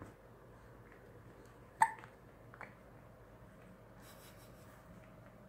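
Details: Baby hiccup, recorded 24 August 2017: a single sharp, abrupt hiccup with a quieter catch after it in a quiet room.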